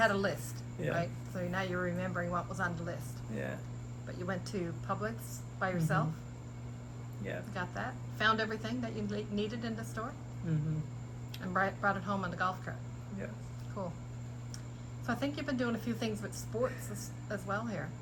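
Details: Adult speaker; normal speech.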